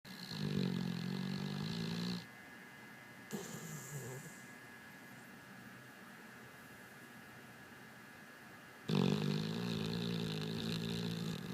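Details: Pit bull dog sleeping: two long, low, rattling snores with a quiet pause and a soft snort between them, against steady room hum.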